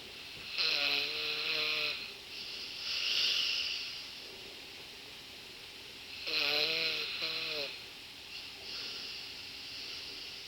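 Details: Snoring recorded Dec. 31, still ongoing: rattling, tonal snores on the in-breath, each followed by a softer hissing out-breath, about ten breaths a minute.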